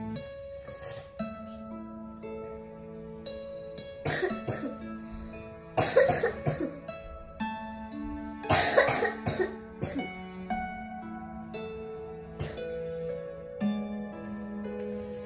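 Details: Continuous non-stop cough for many minutes on a hot summer day: repeated harsh cough bursts, some in short clusters, over steady background music.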